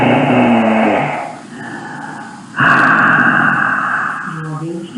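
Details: Vocal fold paralysis with vocal folds that do not close; breathy voice.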